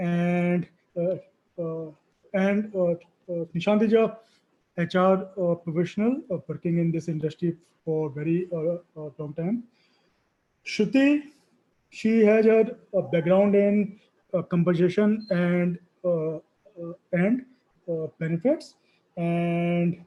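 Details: Adult session moderator at a stammering association conference who refers to "our stammering", speaking spontaneously while introducing guests; finding: stuttering.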